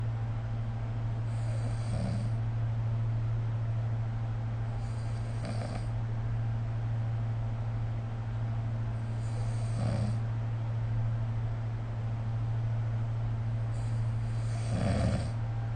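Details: Snoring recorded with the SnoreLab app: soft snores about every four seconds, roughly fifteen a minute, under a steady low hum of room noise.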